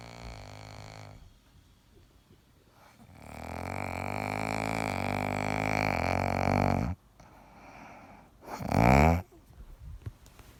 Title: Kid snores like a lawn mower